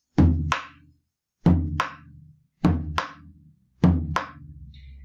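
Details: Simulated on percussion instruments for a semiology class: three evenly spaced lub-dub pairs near 50 a minute; normal first and second heart sounds.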